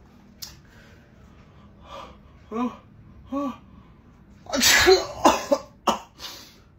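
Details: Acted, exaggerated comedy sneezes: soft breathy build-up sounds followed by several sharp, forceful bursts. Sneezing.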